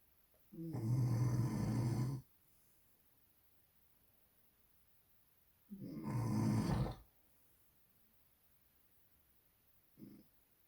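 Two deep, rumbling inhaled snores about 5 seconds apart, with a brief fainter sound after; ordinary loud snoring.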